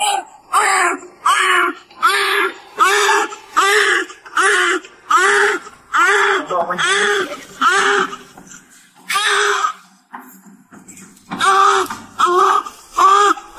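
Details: Newborn cry from a baby girl weighing 3,140 grams just delivered by C-section: rhythmic, high-pitched crying in repeated bursts, a strong, healthy-sounding cry.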